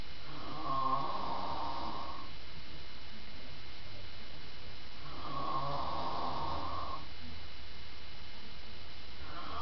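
Two long, low rattling snores on slow in-breaths about five seconds apart, with a steady hum in the room; ordinary snoring during sleep.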